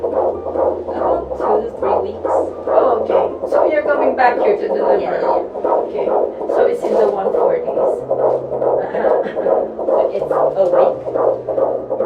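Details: Fetal heartbeat in pregnancy: rapid, regular whooshing pulses near 143 per minute, with music in the background.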